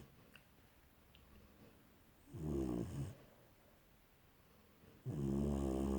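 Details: Snoring; two soft, droning snores in a quiet room, one short and one longer.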